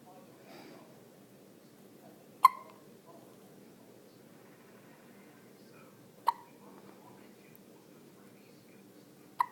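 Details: Hiccups recorded on a mobile phone: three sharp, brief hiccup sounds a few seconds apart in a quiet room.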